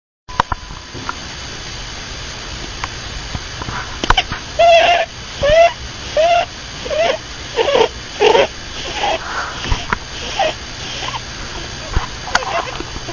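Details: Pet rabbit snoring in sleep: repeated short, high-pitched whistling squeaks with each breath, about 80 a minute, over steady background noise.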